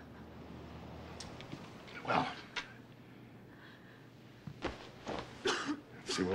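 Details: Simulated cough: an actress gives several short, harsh acted coughs in a drama scene, character feverish and burning up, over a low room hum.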